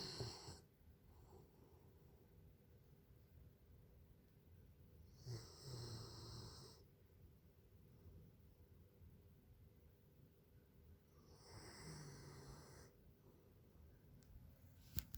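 Soft snoring breaths with a faint whistle return about every six seconds against quiet room noise; a sleeping dog snoring.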